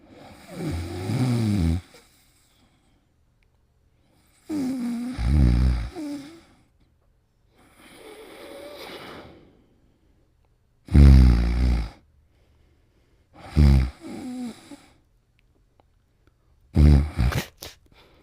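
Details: A sleeping pet snores in about six low, rattling bursts spaced a few seconds apart, reportedly while dreaming.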